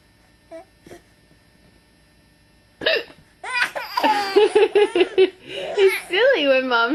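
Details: Adult mother with hiccups, November 2008; two faint abrupt hiccups, then a young child laughing and an adult laughing.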